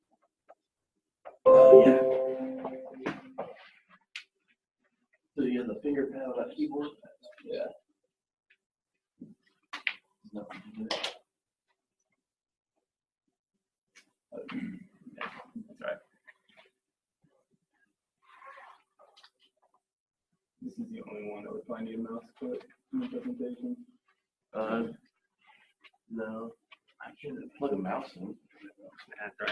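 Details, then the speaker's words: Young child with croup: harsh, barking coughs and a high, whistling inspiratory stridor, a noise often mislabelled as wheezing. "this is just an audio clip basically it's just a kid with crew and the reason I start this case is people will basically call any respiratory noise at all wheezing and that's not always the right diagnosis"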